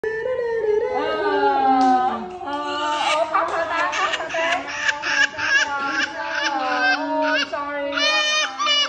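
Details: Young child crying and screaming loudly and steadily in pain while getting a vaccination injection.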